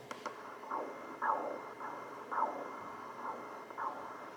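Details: Pulsed wave Doppler blood flow signal from a vessel in a dog, angle set to 0 on an Apogee 2300 ultrasound: regular pulsing whooshes falling in pitch, about 110 a minute, over steady hiss.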